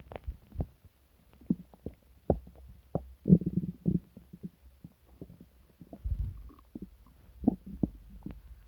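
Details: Stomach rumbling with deep growls (borborygmi) in a person sick for several days with stomach pain, diarrhea and nausea.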